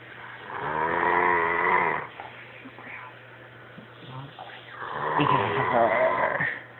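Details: Sleeping dog snoring: two loud, rattling snores with a rough, buzzing voiced quality, separated by a quieter breath out; ordinary snoring.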